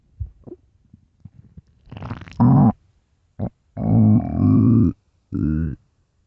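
Low gurgling and grumbling rumbles in several bursts, some long and tonal, consistent with ordinary stomach growling (borborygmi).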